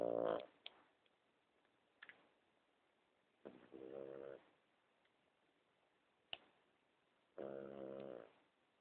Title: snoring.3GP